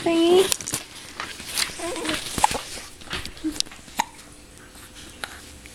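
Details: An infant hiccups after feeding: a brief coo, then a few short, abrupt hiccup sounds at irregular intervals.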